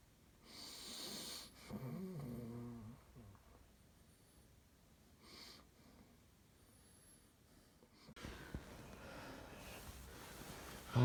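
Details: Post-ictal stertorous breathing in an adult woman just after a grand mal tonic-clonic seizure, her second in two weeks, recorded by her husband: a few slow, low snoring breaths with rough rattling on inspiration, then room noise.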